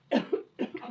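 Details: Barking cough keeping the household awake at night during illness: a couple of short, harsh cough bursts in quick succession with a hoarse, barking edge.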